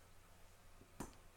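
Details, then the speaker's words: An adult male powerlifter with hip pain and tight hip flexors squats, and his right hip gives a single brief snap over quiet room noise; it snaps on the right side only. Snapping hip. "see i'm my hip is snapping right there right snapping hip"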